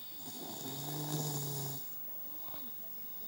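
One buzzing snore on a breath in from a sleeping child, followed by a quieter breath out.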